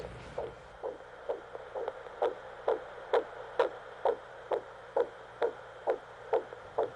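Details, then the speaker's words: Simulated prenatal visit where a doctor listens for an unborn baby's heartbeat on the mother: quick, regular soft thumps at about 130 a minute over a steady hum, likened to a little drum. "Is that your heart beating? No, that's the baby's heart. It sounds like a little drum."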